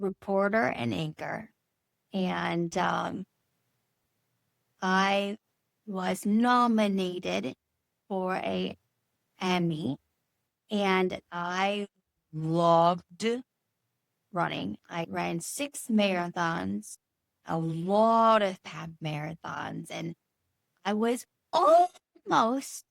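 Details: Woman, former news anchor and reporter, nine years after a stroke from a brain bleed and three brain surgeries, with Broca's aphasia and apraxia; Broca's aphasia with apraxia of speech.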